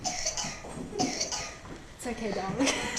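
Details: Paroxysmal cough of a 4-year-old girl, diagnosed the day before with an upper respiratory infection, in a paramedic training scenario of whooping cough (pertussis).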